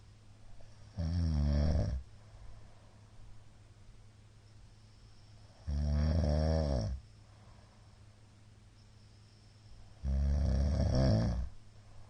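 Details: Middle-aged man snoring while asleep, recorded 22 February 2022 on an especially loud night: three loud, low, rattling snores on inhalation, about 13 a minute, with quiet gaps between.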